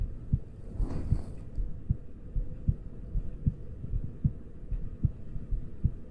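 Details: ASMR trigger-sound recording with ear picking and ear touching: a steady heartbeat of soft, regular low thumps at about 76 a minute, with light rustling early on.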